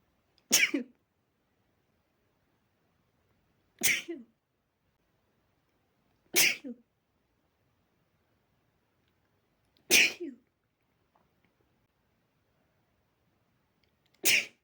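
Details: Sneezes caused by dust: five short, sharp, spraying sneezes a few seconds apart in a quiet room; repeated sneezing from nasal irritation.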